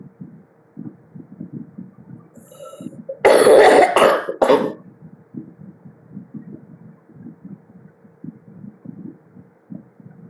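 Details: Coughing after vaping: a short burst of about three harsh, loud coughs over quiet, steady low thumping background music or noise.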